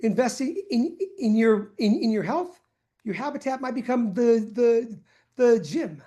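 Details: Adult male person who stutters, with audible word repetitions; stuttering.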